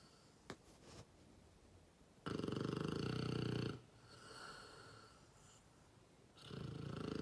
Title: 7 month old Mastiff snoring